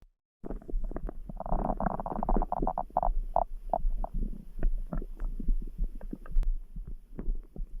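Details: Long gurgling, bubbling stomach rumbles over a low background heartbeat throb; ordinary stomach growling.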